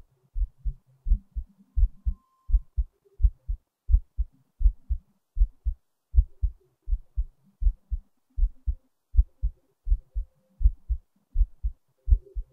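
Steady paired low thumps of a heartbeat, about 82 beats a minute, with a regular rhythm.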